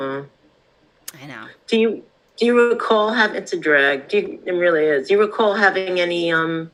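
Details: Adult speaker; speech.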